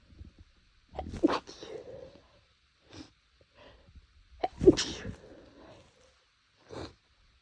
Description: nose was itchy (i think all the temperature changes is messing with it) but i was trying to stifle to not be too loud